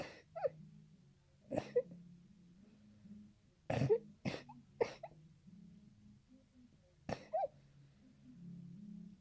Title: Allergy sneezes